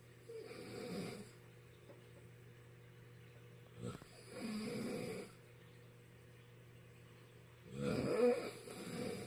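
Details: Father snoring near a baby: three loud, rough snores on in-breaths, several seconds apart, over a faint steady room hum; ordinary snoring.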